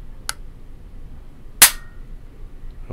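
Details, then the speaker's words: A faint click, then a loud sharp snap with a short metallic ring: a spring-loaded Bard kidney biopsy needle gun fired in a hands-on demonstration, inner stylet then outer cutting sheath shooting forward. "so both the inner shelf and the outer cutting edge kind of go forward not quite at the same time the inner edge goes out first and then the outer cutting chief comes at the end"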